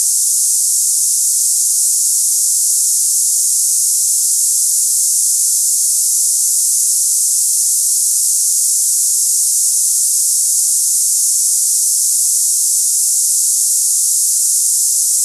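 Constant high-pitched hissing, like cicadas, with no breaks; a simulation of cicada-like tinnitus.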